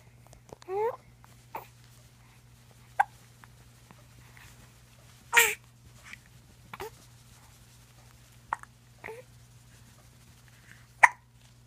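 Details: Baby girl hiccupping, as she does every night after dinner: brief, sharp hiccup sounds at irregular intervals, about eight over twelve seconds, in a quiet room with a low hum; infant hiccups.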